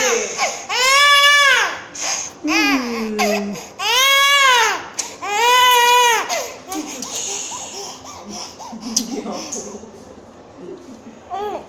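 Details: Baby girl during ear piercing: loud, strained infant wails in long rising and falling bursts with catch breaths between, easing into whimpers; adults talk softly in the background.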